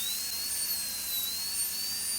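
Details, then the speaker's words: Steady piercing high-pitched whine, slightly wavering, of a high-speed dental drill with football-shaped burr at about 45 degrees doing occlusal reduction on a typodont model for stainless steel crown preparation. "Keep the burr slightly at a 45-degree angulation and keep preparing the tooth occlusally."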